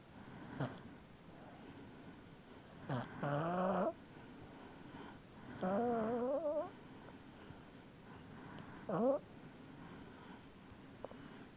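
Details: Snoring up a storm during sleep: irregular breaths, some with a wavering whistling or humming tone, plus short snorts; noisy snoring.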